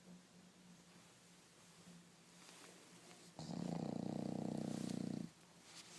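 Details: Bulldog snoring: quiet breathing, then one loud, low, fluttering snore lasting about two seconds.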